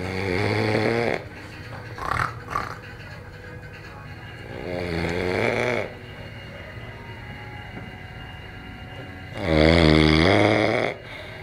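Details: Overweight adult man napping and snoring: loud, rough, rattling snores with long quiet gaps, about three in the clip.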